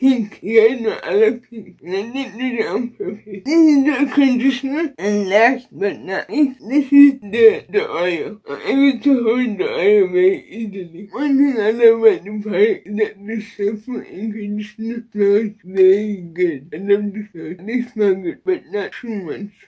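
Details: Woman with cerebral palsy and a Baclofen pump, previously hospitalized after a Baclofen pump overdose; dysarthria.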